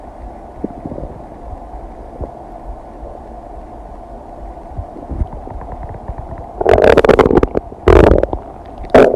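Low rumbling with faint gurgles, then several loud churning, gurgling bursts toward the end: ordinary digestive bowel sounds.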